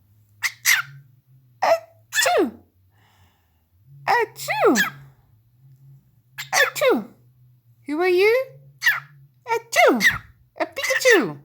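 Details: Cockatiel gives about nine short, sharp bursts, several ending in a falling squeaky 'achoo'-like whistle, over faint room hum; sneezing or sneeze-like calls.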